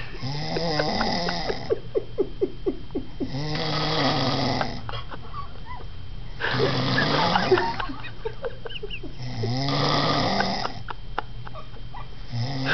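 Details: Person snoring: loud rattling snores on each breath in, about four over thirteen seconds, with quieter breathing between them; ordinary snoring.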